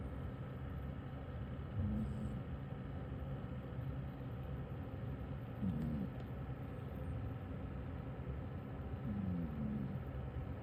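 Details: Snoring from a sleeping 19-year-old senior cat (born 2007): quiet, low snores, about three in ten seconds, over a steady background rumble.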